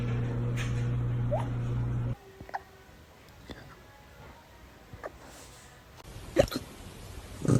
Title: Puppy hiccups #dogsof #funnyvideos #dog #doglover #puppy